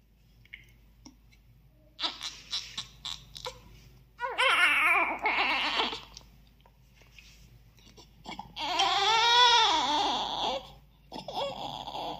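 Short bursts of high-pitched crying with pauses between them from a newborn just after a normal birth; a healthy first cry.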